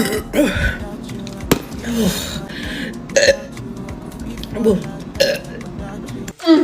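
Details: Burping after drinking Sprite in a burp challenge: several loud, throaty belches over background music and voices; burping.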